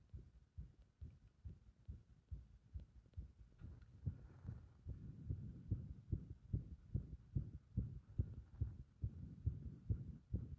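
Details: Heart sounds with rhythm disrupted by compression: fast, unevenly spaced beats varying in spacing and strength over a faint hum; irregular heart rhythm.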